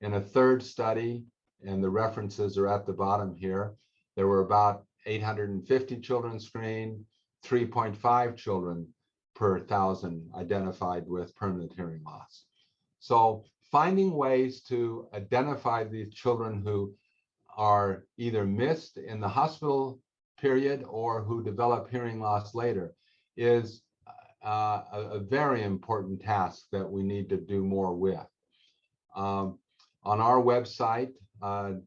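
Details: Adult male speaker; normal speech.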